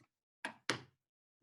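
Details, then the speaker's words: Two short, flat percussion taps that die away at once with no ringing: a stony dull note, as over a pleural effusion, contrasted with an ordinary dull note. "This is going to be a dull noise. सुनो इसे, ये dull noise है. Now I'm going to show you what is a stony dull noise."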